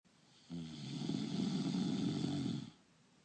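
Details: Simulated snoring, voiced for a cartoon character: one long, low, rattling snore-like breath of about two seconds; acted imitation of snoring.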